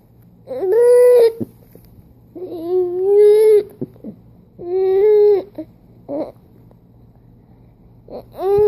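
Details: Baby with hiccups: repeated drawn-out, tonal infant cries and fussing vocalizations, about three over several seconds, in a quiet room; infant crying.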